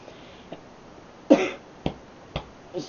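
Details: Person with real hiccups while talking to camera: short, sharp, spaced vocal catches about every half second, one with a brief voiced burst: hiccups.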